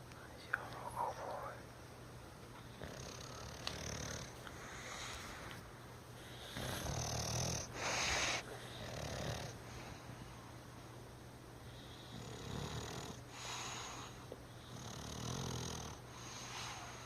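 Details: Bulldog snoring: uneven, rough, rattling breaths with noisy airflow over room hum.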